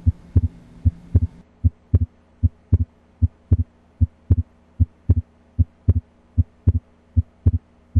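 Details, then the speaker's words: Stethoscope auscultation of the precordium in a systematic five-area exam: regular crisp S1 and S2 at about 76 beats per minute, no murmur; S1 loudest at apex, S2 loudest at base. Normal heart sounds. "again s1 is laos at the apex and s2 is largest at the base of the heart"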